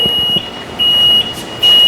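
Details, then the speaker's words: ICU mechanical ventilator alarm in an adult ICU training practical: repeating high-pitched beeps about every 0.4 seconds, signalling low oxygen inlet because the ventilator is not connected to oxygen; respiratory rate set to 14 and PEEP to 8. "Aquí está la alarma, la bloquea y la reinicia. Con este la reinicias. Debe reiniciar. Bloqueamos. Dice que hay baja entrada de oxígeno, porque es que él no está conectado a oxígeno, ¿sí ves?"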